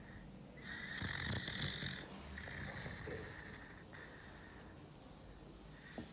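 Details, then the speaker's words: Patient with a tracheostomy: loud rattling, gurgling hiss with each breath, fading toward the end; noise of secretions blocking the tracheostomy tube, needing suctioning. "esse é o barulho da secreção tá entupindo a traqueostomia E aí precisa vir alguém retirar essa secreção"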